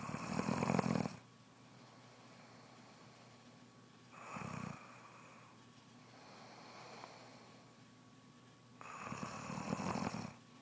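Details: Snoring in a pregnant woman, which began soon after she became pregnant: loud, rough snores on the in-breaths, three in about ten seconds (roughly 14 breaths a minute), with quiet pauses between.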